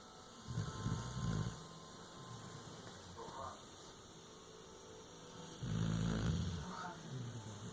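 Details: Sleeping bulldog: loud, low rattling snores, two long breaths with softer sounds between; typical flat-faced dog snoring.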